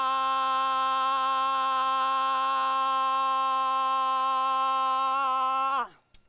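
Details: 59-year-old woman with Parkinson's disease, 2.5 years after diagnosis, on Parkinson medication, sustaining 'ah' on a deep breath as long as she can after intensive LSVT LOUD voice treatment; sustained loud, about 21 seconds; sustained vowel phonation after LSVT LOUD in Parkinson's disease.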